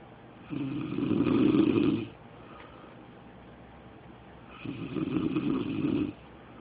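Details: A man's snoring during sleep: two loud, rough, rattling snores on breathing in, about four seconds apart, with quiet room noise between them.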